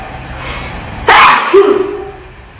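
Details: Sneeze: one sharp, explosive sneeze followed by a short voiced tail, over steady room noise.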